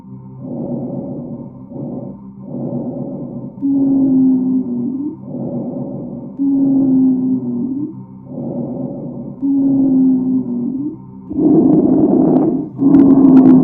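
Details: Muffled, labored breaths repeating steadily, with low-pitched moaning rhonchi on many breaths, from the lungs of a hospitalized adult with COVID-19.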